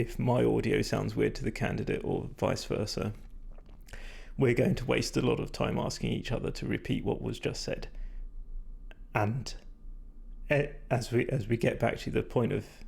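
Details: Male speaker with vocal fatigue from prolonged talking without drinking enough; he describes his voice as degraded, stressed and not at its peak condition.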